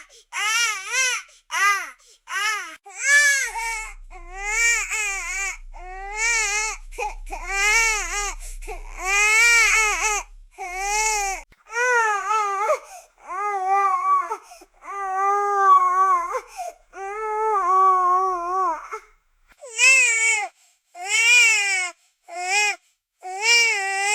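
High-pitched, rhythmic newborn crying in repeated wailing bursts separated by brief breaths.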